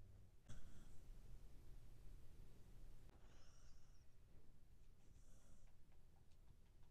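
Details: Sleeping Pembroke Welsh Corgi, born with ectrodactyly and a deformed foot: quiet, rough snorting breaths, two or three noisy breaths over low room hum; ordinary dog snoring.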